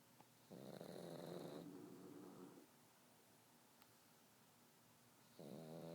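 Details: Snoring from sleeping pugs, one sleeping with an eye open: snoring.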